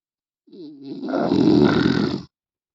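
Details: Loud, rough, rattling snore with a low voiced start; heavy snoring.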